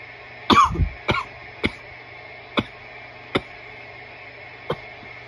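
A fit of about six dry, sharp coughs, loud at first and then spaced out, an irritant cough after smoking.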